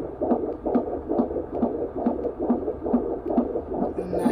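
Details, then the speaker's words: Fetal heartbeat on Doppler at a doctor's appointment, teen mother at 23 weeks 3 days pregnant: rapid, regular whooshing pulses, about 136 beats a minute, within the normal range. "I'm gonna insert a video clip right here from when they took the heartbeat at the doctors so y'all can hear it I am 23 weeks and 3 days today so here's the heartbeat"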